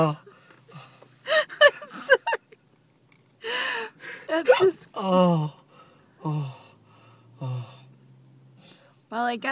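Repeated short, sudden voiced gasps every second or so, fitting hiccups, with some breathy sighs between them.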